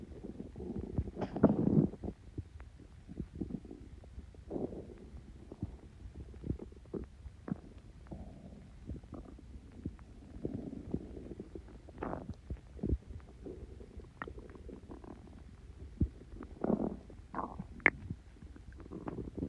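Quiet, irregular gurgles and rumbles from the belly; ordinary stomach growling as gas and fluid move through the gut.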